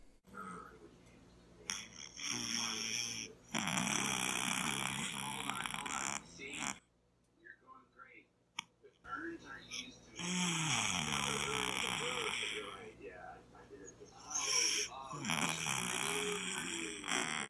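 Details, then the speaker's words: A sleeping cat snoring: irregular, rough snoring noises with some other sound in the background. "привет сегодня хотел бы рассказать немного храпе вы узнаете в каких случаях для кошки или кота храпеть это нормально когда требуется обратиться за помощью к специалисту"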